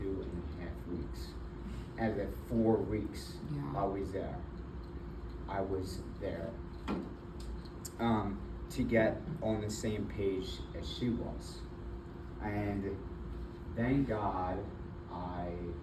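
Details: Adult man with aphasia and apraxia of speech after a February 2024 stroke that left him initially nonverbal with right arm and leg weakness; several further strokes followed; still in speech therapy.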